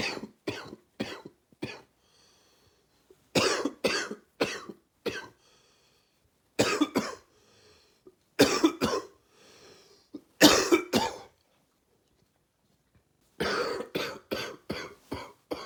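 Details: With a cold, the last of summer or first of fall: about twenty loose, wet, gaggy coughs in repeated bouts.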